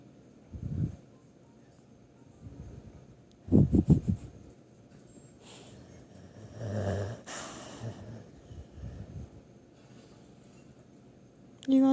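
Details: Sleeping pit bull dog snoring: irregular low snorting snores and noisy breaths, with room noise.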